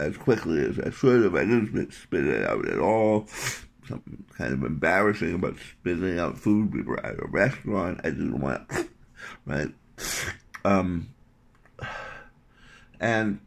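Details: Adult male with articulation impairment three months after partial glossectomy for tongue cancer, reconstructed with a wrist-skin graft whose layers are detaching; speech clarity reportedly reduced compared with a couple of weeks earlier.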